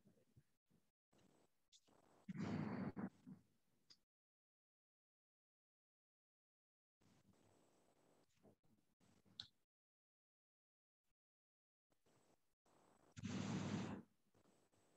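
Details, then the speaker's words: Fine crackles on lung auscultation in a teaching case of the crackling lung: fine popping late in inspiration, at the end of inspiration, as alveoli surrounded by fluid or fibrotic substances open. "so the fine crackers basically is heard at the end of the inspiration so that is because when the alveoli are surrounded by certain fluid or fibrotic substances the alveoli cannot open up"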